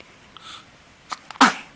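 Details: A soft breath in, then one sharp, brief, explosive sneeze from a baby in a quiet room; a sneeze.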